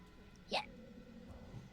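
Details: Single sharp, abrupt voiced hiccup from a streamer during a bout of hiccups, over quiet room hum.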